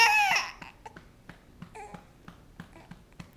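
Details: Infant girl crying while being burped after feeding, upset at finishing her food and still wanting more: a brief, high-pitched cry fading into soft, repeated whimpering; infant cry.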